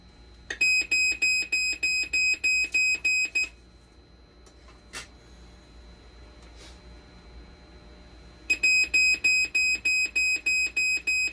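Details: Loud, rapid, regular beeping in bursts, pausing then resuming, from a dialysis machine under repair with conductivity fail while boards are swapped and fail to match; dialysis machine alarm.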